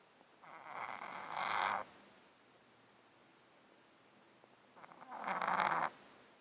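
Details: Cat with a 13-year underlying disease causing constant snotty sounds and sneezing, recorded close-mic while sleeping in a box: two slow, rattly, snuffling breaths with wet nasal noise; congested nasal breathing.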